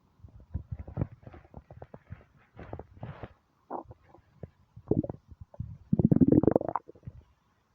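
Bursts of gurgling and rumbling ending in a long rising growl: hunger stomach rumbles, ordinary bowel sounds.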